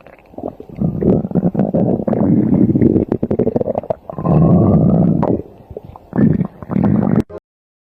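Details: Stomach growling (borborygmi): long low gurgling rumbles with bubbly crackle in several bursts over eight seconds, from gas and fluid moving through the gut.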